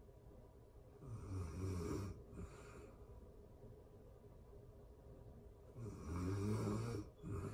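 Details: Real-time recording of a person asleep: low, rattling snores on two breaths, with quieter breathing between them; ordinary sleep snoring.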